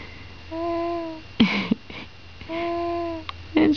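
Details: Soft hums, grunts and little vocal noises from a sleeping 4-week-1-day-old baby girl over steady room hum; normal newborn sleep noises.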